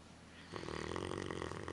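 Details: A single loud, rattling snore on a breath in from a sleeping dog; snoring.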